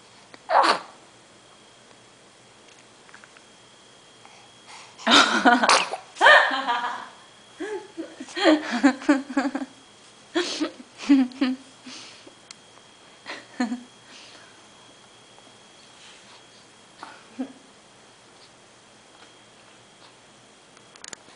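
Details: A person sneezing while seated: a sudden loud burst, then a strong sneeze, followed by softer snorts and breaths in a quiet room.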